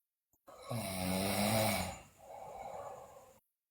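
One loud rough snore on the in-breath, then a softer, breathy out-breath; snoring in a sleeping child.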